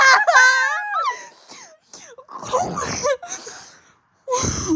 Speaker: You guys, I have this weird talent where I can make myself weeze.